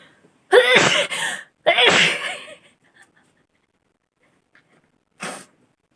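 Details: Woman doing a sneezing challenge: two forceful sneezes close together, then a shorter third burst after a pause; repeated sneezing.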